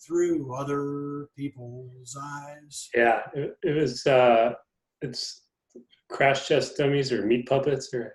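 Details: Adult man, a person who stutters; stuttering.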